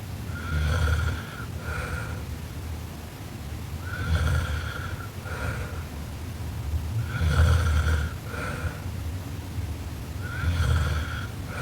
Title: Sleeping Japanese Girl Super Loud Snoring Part 2